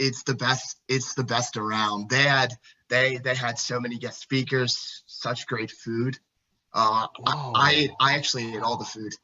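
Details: Second presenter at a stuttering-community event, speaking during a live improv scene; stuttering.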